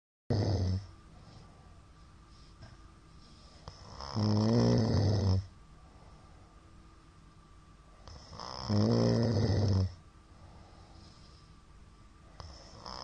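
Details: Middle-aged man snoring during sleep; shallow hypopnea count suggests sleep apnoea: loud, rough snores roughly every four to five seconds, separated by quiet pauses.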